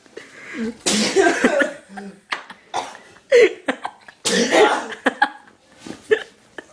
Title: cant stop sneezing! hahahaha